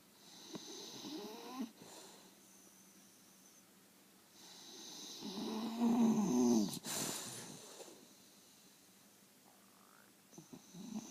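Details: Drawn-out rattling snores on the in-breath, one loud and strained with a brief whistling edge, followed by quiet pauses: snoring.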